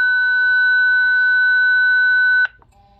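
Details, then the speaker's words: A Zoll X Series Advanced monitor during an AED shock self-test at 30 joules into the supplied test device: a steady, high charging tone for over two seconds that ends abruptly when the shock is delivered; defibrillator charge and shock tones. "and the shock delivered and passed and then it'll print out on the printer on your test and it's going to say if it either passed or failed and what time it did"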